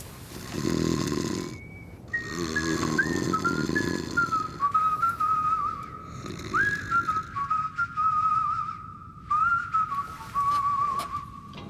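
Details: Staged comic snoring from a French TV advert (2005), not real: rough snorting breaths alternating with long whistling tones on the out-breath.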